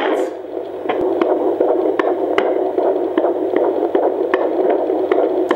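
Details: Fetal heartbeat heard with a home fetal Doppler (AngelSounds vs. Jumper): fast rhythmic whooshing pulses about 150 a minute through Doppler hiss, distinct from the mother's slower pulse.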